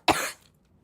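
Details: Girl coughing: a single short, dry cough followed by quiet.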